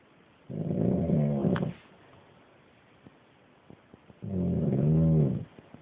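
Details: Snoring from the speaker's uncle while asleep: two loud, low, rattling snores on the in-breath, about four seconds apart, with quiet pauses between them in a small room.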